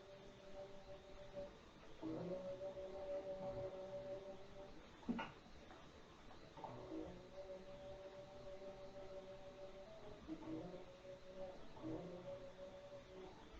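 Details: Phacoemulsification of an extremely dense nuclear cataract after capsule retractors and trypan blue, with a poorly dilated pupil, using divide-and-conquer cracking of the nucleus: steady electronic machine tones shifting in pitch, with a brief sharp click.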